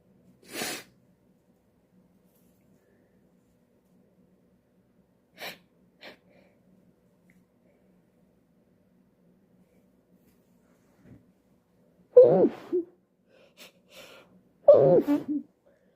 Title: I can't stop sneezing..